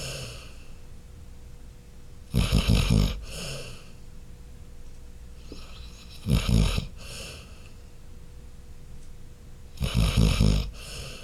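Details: Sleeping dog snoring: three loud, rough, rattling snores about four seconds apart, with quiet breathing between them.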